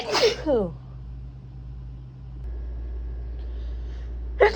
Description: Just a compilation of random sneezes throughout the past couple of days.